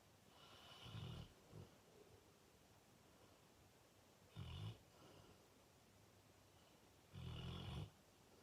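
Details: Fully grown male Fox Red Labrador snoring very loudly in sleep, often waking himself: three loud, low, rattling half-second snores at irregular intervals over eight seconds.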